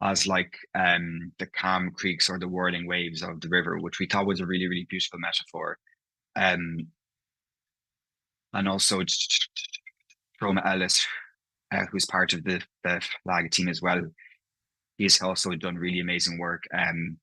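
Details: Adult man who stammers, talking about his own stammer; stammering (stuttering) with audible part-word and whole-word repetitions.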